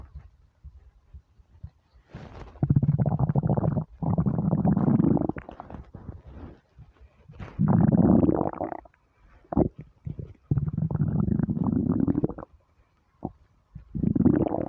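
Loud, long, low gurgling and growling rumbles in several bursts with short pops between: stomach rumbling from hunger, a normal sound.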